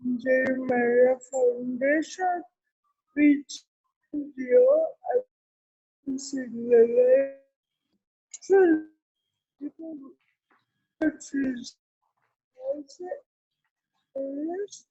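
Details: Real speech from an adult woman with cerebral palsy: dysarthria.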